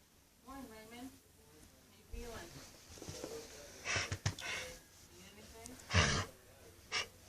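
Several short, forceful nasal bursts from a dog, mixed with human voices in the room: repeated sneezing.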